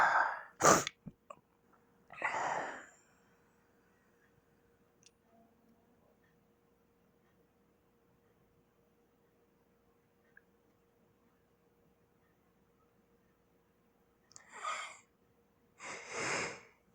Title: Four good sneezes